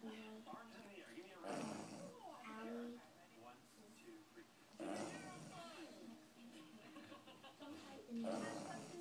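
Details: 4-month-old English Bulldog snoring: rough, throaty snorting snores, about 18 a minute, over background television sound.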